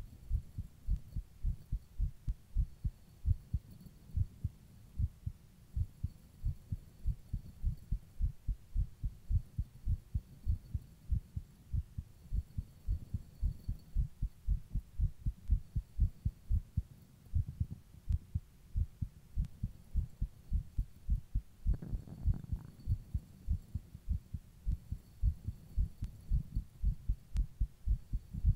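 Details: Steady, regular low heart thumps with brief rustling near the end, recorded while the person rebreathes into a plastic bag; heartbeat.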